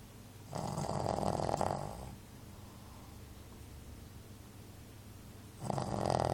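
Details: Shih Tzu dog snoring while asleep, lying down: two rough, fluttering snores about five seconds apart with quiet breathing between.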